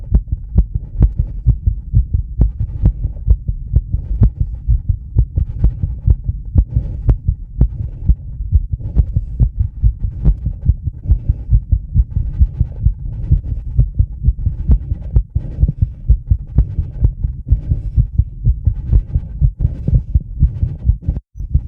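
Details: Sinus tachycardia at about 130 bpm, recorded with a microphone directly on the chest of an adult connected to a 10-lead EKG, after about 2 minutes of rebreathing from a bag to induce mild CO2 buildup; fast, steady heartbeat.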